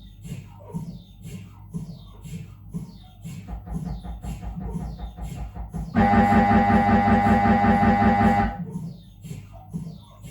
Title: 🧲🔊 Dont be afraid of MRI - Sounds in normal head examination | Siemens Magnetom Avanto 1.5T MRT